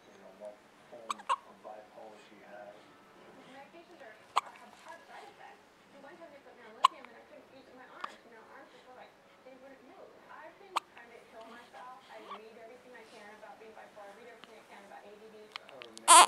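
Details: Repeated hiccups: sharp, sudden hiccup clicks every few seconds over quiet background vocal sounds.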